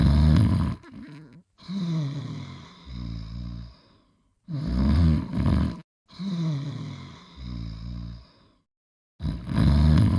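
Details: Astro sleeping and snoring, clip taken from a 1980s–1990s nostalgia episode: deep, groaning snores in repeated cycles, a loud rumble then softer wheezy breaths, about four seconds per cycle.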